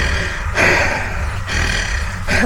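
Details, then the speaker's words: Exertional stridor in an adult triathlete right after a hard cycling interval session, attributed to a windpipe narrower than normal: loud, raspy breaths with a harsh vibrating edge. "that little r that's my little poo you know when I'm out of breath when you can hear that but interesting fact about that it's because my wind pipe is a little bit narrower than it should be so it vibrates when I breathe"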